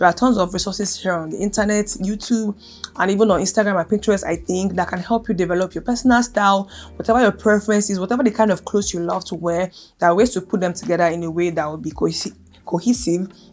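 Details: Adult woman with lifelong stuttering present since birth, worse when angry, excited, emotional, stressed, hot or uncomfortable; stuttering.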